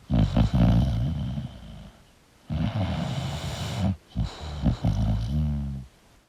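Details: Sleeping English Bulldog snoring: loud, rough, rattling snores with low snorting bursts on the breaths.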